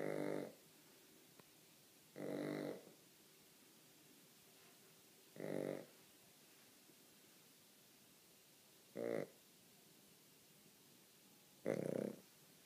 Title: Snoring Puppy